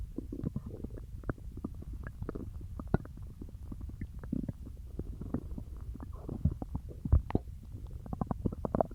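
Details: Stomach growling after eating peanut butter: continuous low gurgling and bubbling from the abdomen, normal bowel sounds (borborygmi).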